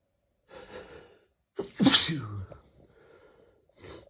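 A quick intake of breath, then one sharp, explosive sneeze with a falling voiced tail. A single sneeze.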